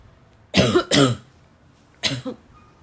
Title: for the barking cough lovers